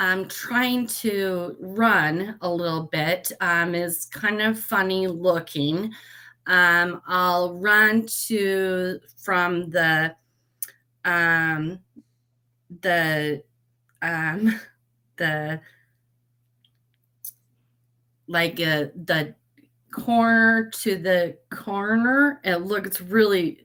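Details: Aphasia after a stroke at age 38 in a woman; when first met she was barely understandable.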